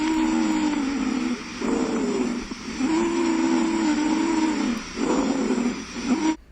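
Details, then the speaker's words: Pediatric chest auscultation teaching example of wheezes: repeated high-pitched, continuous musical whistling sounds lasting through much of each breath, caused by constriction or edema of the bronchioles. "Os sibilos são ruídos musicais agudos, contínuos com duração mais longa, que se assemelham a um silvo, que ocorrem por constrição ou edema ao nível dos bronquíolos."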